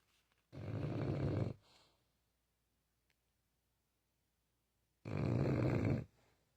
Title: Loud snoring dogs disrupting your sleep? #fok #sleepingdog